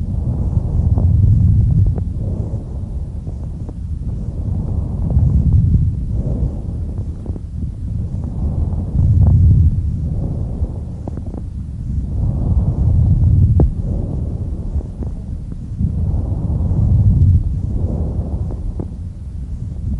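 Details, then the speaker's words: Normal bronchial breath sounds through a stethoscope: loud, high-pitched, hollow, blowing like air through a pipe, about 15 breaths a minute, expiration louder and longer, distinct pause between phases; normally heard only over the manubrium. "these characteristically loud high-pitched bronchial breath sounds resemble the sound of air blowing through a hollow pipe"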